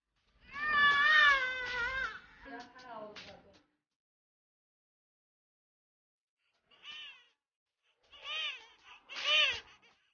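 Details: Strong, high-pitched newborn wails in bursts with pauses, a vigorous normal first cry at first contact with mother; newborns of 3060 g, 50 cm (girl) and 2800 g (girl), born one minute apart.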